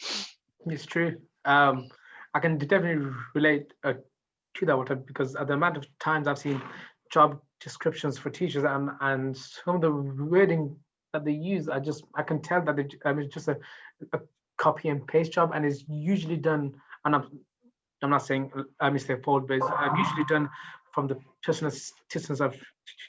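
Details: Adult who stammers, speaking in real life about her own experience; stuttering.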